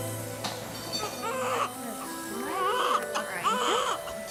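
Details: Healthy newborn boy, without spina bifida despite prenatal scare, crying just after birth by C-section within 15 minutes of surgery starting.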